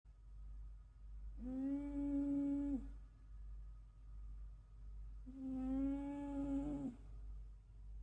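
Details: Loud, droning, humming snores about four seconds apart, roughly 15 breaths a minute, from a sleeping 13-year-old cat.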